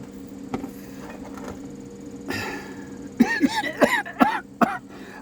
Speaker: This is a perfect remedy if you smoke pot, cannabis, marijuana, 420 person, uh, and you got trouble with that the the cough after you take a toke and you got that cough.